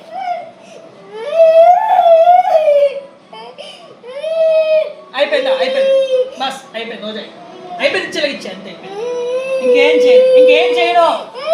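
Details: Young boy crying loudly in long wailing sobs while having a blood test by finger prick, with adults' voices comforting him in the background; child crying.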